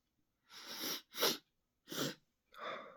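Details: A run of four quick, explosive, hissing sneezes with short silent gaps between them.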